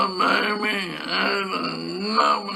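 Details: Repeated sentence illustrating flaccid dysarthria, attributed to a lower motor neuron lesion, with hypernasality, imprecise consonants, breathiness, monopitch and nasal emissions; flaccid dysarthria.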